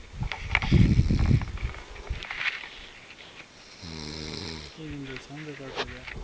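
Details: Snoring during sleep: rough, rumbling low breathing with a fluttering, buzzing quality.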